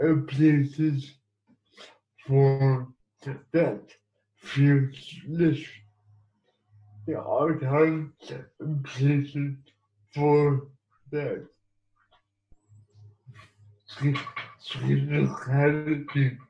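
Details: Dysarthric speech in an adult man living with cerebral palsy.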